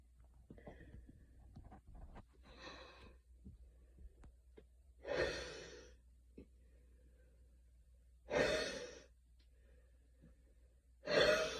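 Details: Heavy breathing with a few soft, breathy cough bursts after a super fast 10-minute run in light rain outside; a light post-exercise cough.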